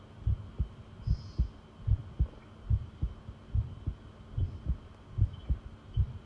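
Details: Heartbeat from a long recording made while listening to the pounding heart: steady, regular low paired thumps at about 74 beats per minute over a faint hum.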